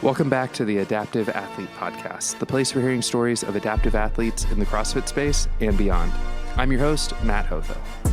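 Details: Adult male podcast host; typical speech.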